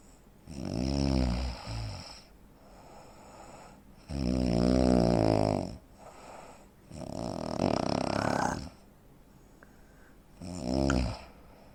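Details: 43-year-old man, 85 kg, 165 cm: loud, harsh snores broken by short quiet gaps, then resuming with forceful rattling; real-life snoring with breathing pauses typical of obstructive sleep apnea.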